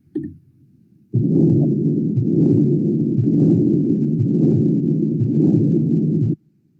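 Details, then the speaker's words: Patent ductus arteriosus, heard best below the left clavicle: an unbroken, rough, metallic, high-intensity continuous machinery murmur for about five seconds, swelling rhythmically without silent gaps, accompanied by a thrill. "Bueno es un sople continuo con sonido metálico de alta intensidad que va a estar acompañado de frito con re"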